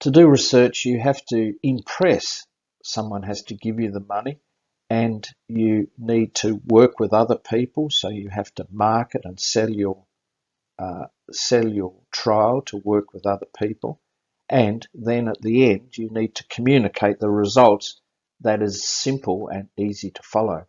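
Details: Adult man speaking; normal speech.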